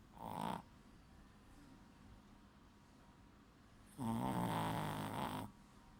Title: My snoring Shih Tzu, his name is Waffle